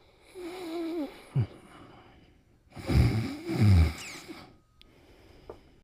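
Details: Sleeping animal snoring while dreaming: soft nasal snoring breaths with a few whimpering squeaks and grunts.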